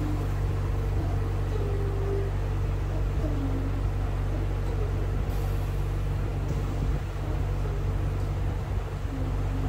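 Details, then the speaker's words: A running 10 LPM dual-flow medical-grade oxygen concentrator, with output reaching 94.4% oxygen: a continuous low, steady compressor hum with faint background voices, described as near-noiseless. "and if you observe correctly the machine is very it is completely a noiseless operation"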